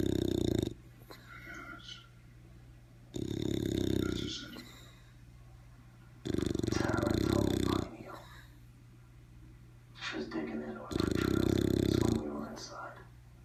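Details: Loud, deep, rattling snores from a bulldog about every three seconds, with quieter wheezy breaths between them.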